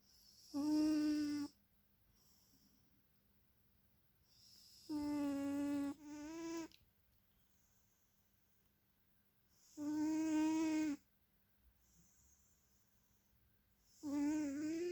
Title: My cat is snoring